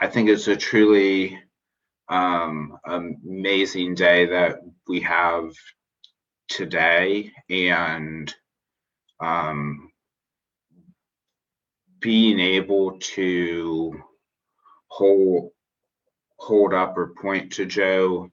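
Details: Adult man who describes himself as a person who stutters, speaking spontaneously in a podcast interview; finding: stuttering.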